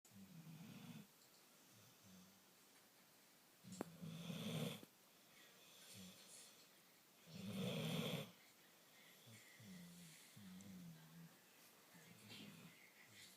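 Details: Snoring: rhythmic low, rattling snores, about 17 breaths a minute, with louder rasping snores every few breaths.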